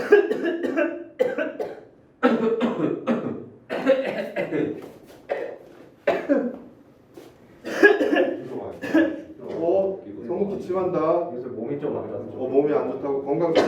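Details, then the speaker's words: Repeated acted adult coughing, short bursts in series with brief pauses in a small room, demonstrating a deep-learning real-time cough detection camera that classifies and localizes coughs. "건강 조심해야겠네. 계속 기침하네. 조심해야겠네."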